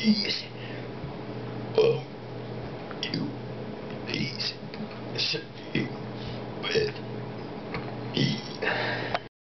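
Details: A man deliberately burping the alphabet: a run of short, low, croaky burps sounding out letters, with quiet room noise; voluntary belching for fun.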